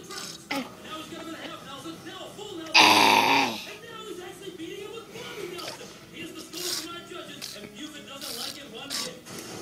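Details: One loud burp of about a second, with adult talk and faint music in the background, after which someone offers more milk; burp.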